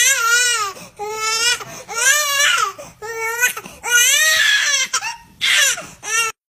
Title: Funny Baby Videos | Twin baby one cry one shock | #short #shorts #baby #babies #funny